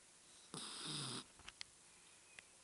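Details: A newly adopted dog snoring while asleep in bed after Christmas dinner: a single short, hissing snore with a low rattle, then quiet with a few small clicks.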